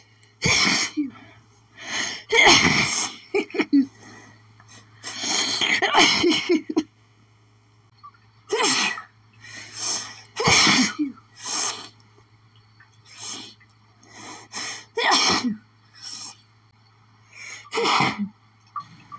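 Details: Desperate, itchy sneezing fit from pollen, strong enough to cause doubling over: about fifteen sharp sneezes in quick succession, some doubled, with gasping breaths between.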